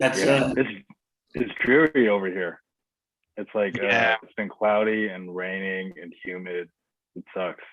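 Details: Adult man speaking; normal voice.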